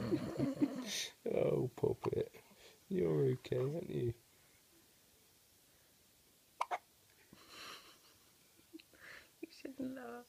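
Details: Baby girl, who also had frequent hiccups in the womb, hiccupping: brief sharp catches amid soft vocal sounds and an adult voice.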